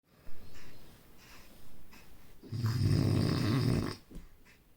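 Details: Sleeping baby snoring: soft breathing, then a loud, low, rattling snore lasting about a second and a half.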